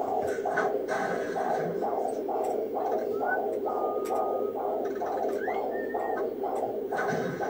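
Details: Fetal heartbeat on Doppler, checked by the father: rapid, regular whooshing pulses at about 135 per minute, normal fetal heart rate.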